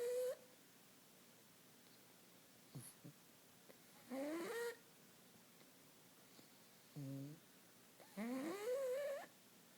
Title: Snoring Katie Pug